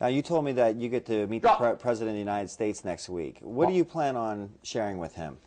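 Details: Adult man; Normal speech.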